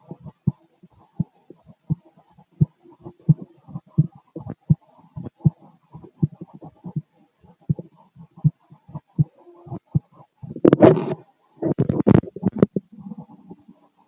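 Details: Adult male heart sounds through a stethoscope on the chest while sitting: steady, regular beat at about 85 a minute, brief rubbing noise near the end; normal.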